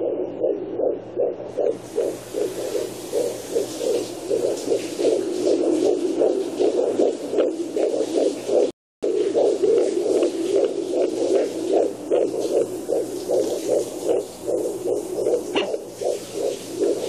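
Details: Fetal heartbeat on a fetal Doppler: rapid, regular whooshing pulses with a brief dropout midway.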